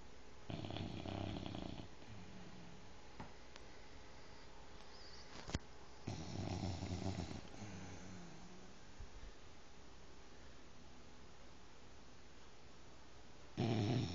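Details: Two rough, rattling snores from a sleeping 5-month-old bulldog puppy, quiet room noise between; ordinary dog snoring.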